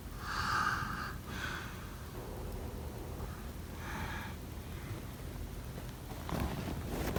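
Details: Snoring.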